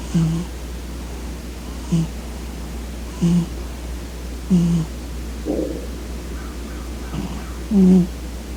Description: Gandalf the Great Cat takes a nap on my legs as I wake up. I think he has the sweetest quiet snoring sound!